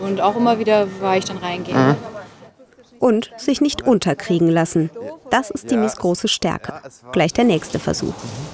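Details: Adult woman speaking German; normal speech.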